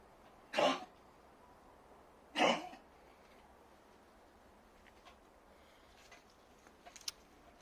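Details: Two short, harsh coughs from a pet cat whose cough is returning, attributed to multiplying worms; the owner fears its heart could stop at any moment.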